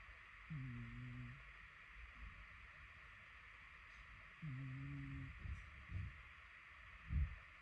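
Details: Sleeping cat: two soft, low, buzzing snores about four seconds apart, roughly 15 breaths a minute, faint snuffles between, over room hiss; quiet snoring.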